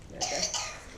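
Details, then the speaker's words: Paroxysmal cough in a 4-year-old girl, believed to be whooping cough (pertussis), in a simulated paramedic scenario; the cough began a few hours earlier at dinner time after a runny nose, recorded as the paramedic tries to auscultate her chest. "this cough has just come on in the last few hours like at dinner time yeah okay um i believe she's having like a whooping cough"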